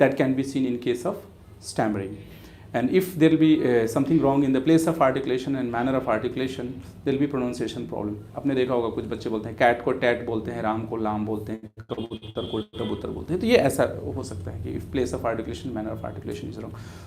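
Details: Adult male speaker; typical adult male voice.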